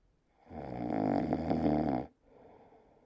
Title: moose snoring